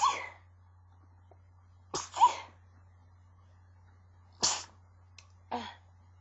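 Four or five short, muffled bursts with pauses between them. These are stifled sneezes, held back rather than let out fully.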